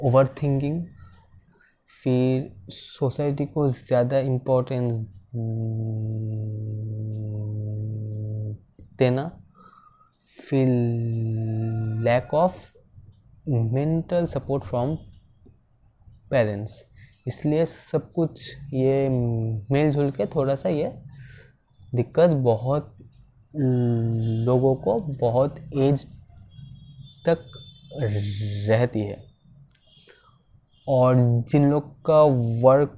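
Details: Person who stammers, speaking Hindi about stammering as his own experience; stammering.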